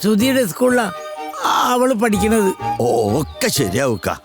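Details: Acted stuttering: a male actor in a Malayalam film plays a man who stutters, speaking in a stuttering support group scene.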